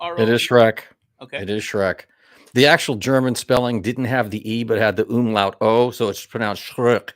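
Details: Adult man speaking; normal voice.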